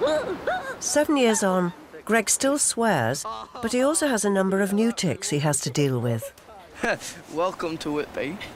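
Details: Adult male narrator, followed by a brief second voice; normal narration speech.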